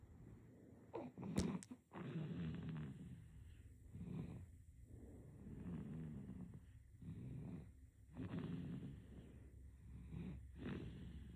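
Soft, low snuffly snoring with each breath, about nine breaths in eleven seconds, from a sleeping baby; faint room noise.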